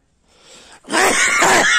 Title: Sneezing from cold in a German refugee camp